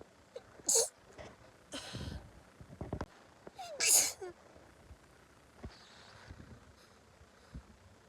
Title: So sneezy! #sneeze